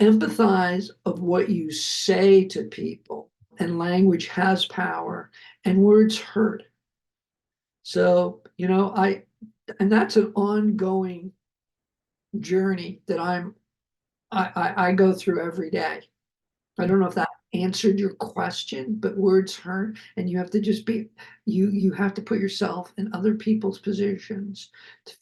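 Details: Adult male film producer, a heart attack and aphasia survivor with multiple health challenges, who himself notes his aphasia kicking in while speaking; aphasia.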